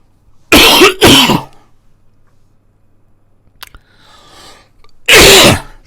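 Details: Three loud, harsh coughs (a quick pair, then a single one) in a quiet room, heard during a spoken Unreal Engine C++ tutorial screen recording; coughing.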